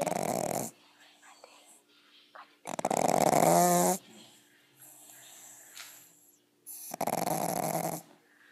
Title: Pug snoring